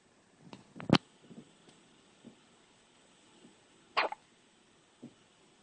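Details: Hiccups: soft, sudden hiccup sounds, two clearer ones a few seconds apart with smaller catches between, over faint room noise.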